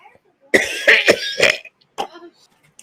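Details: Coughing after eating sour pickle balls in a challenge: four forceful, rasping coughs in quick succession, then a single sharper cough and a soft throaty sound.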